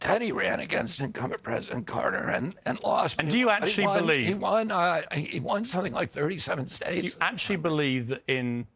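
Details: Spasmodic dysphonia (he calls it spasmodic dystonia) in an adult man: neurological, onset at 42 after a 1996 injury, vocal cords tighten constantly, not a tissue injury; Kyoto surgery about eight months earlier improved reliability; now on alternative therapies.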